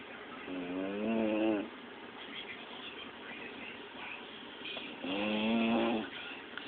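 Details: Snoring: soft, tuneful, whistling snores, two in under seven seconds, with quiet breathing between them.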